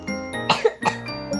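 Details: Two short, harsh coughs from a speaker who has a cold, over a steady background hum or music; cough.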